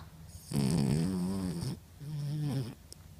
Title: 10/01/14 - Snoring beauty